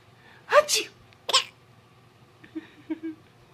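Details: Baby's reaction to sneezing: two sharp, hissing bursts typical of sneezes, followed by faint small vocal sounds.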